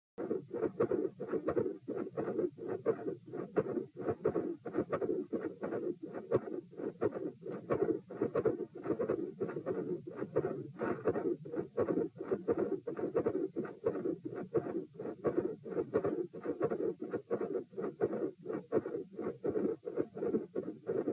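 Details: Auscultation stress test at position P, rate 90-126-72 bpm across sitting, standing and lying: intermittent machinery-like heart murmur with loud second heart sound (S2).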